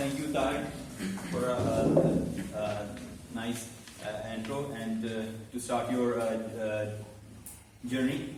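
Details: Man who stammers, in a stuttering support Toastmasters club for about eight to nine months and has learned to accept it; stuttering.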